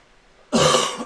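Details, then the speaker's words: Cough from an adult getting over a cold and surgery. "So, uh, once in a while you'll hear me cough like that. I am getting over a cold and surgery."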